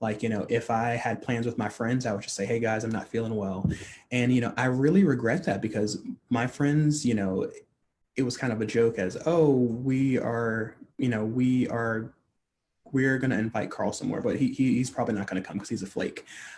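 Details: Adult man who stutters, a stuttering-advocacy leader, speaking on a podcast; stuttering.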